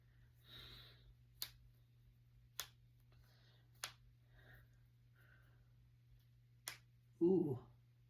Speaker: Okay, I'm going to crack my fingers. I'm also going to do my knees.